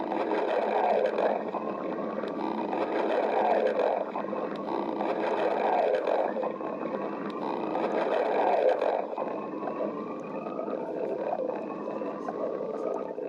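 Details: Stomach growling (borborygmi): long, continuous low rumbling and gurgling with rising, whining tones from gas and fluid moving through the gut.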